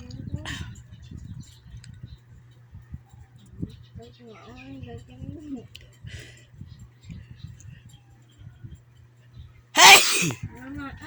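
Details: Quiet talking and room noise, then one sharp, loud sneeze burst near the end: sneezing.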